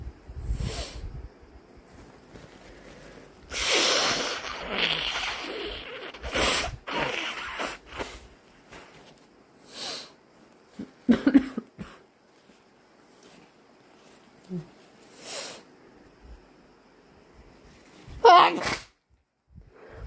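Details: Very snotty morning: several bursts of induced sneezes and wet nose blowing with sniffs between them, fitting nasal congestion.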